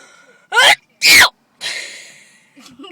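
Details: Sneezing attack: two sharp sneezes in quick succession, followed by a breathy exhale; a short sneezing bout.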